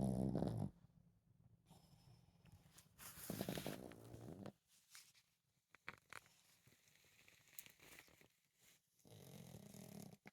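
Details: Chihuahua snoring while napping after a busy day of chasing squirrels and playing: soft, low rattling snores with quiet gaps and a louder snore near the end.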